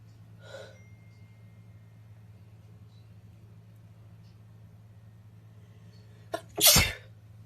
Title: Snotty sneezing